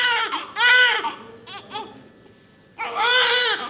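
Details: Newborn of good weight delivered by normal delivery, described as healthy: loud, strong, high-pitched bursts of crying with short pauses; normal vigorous newborn cry.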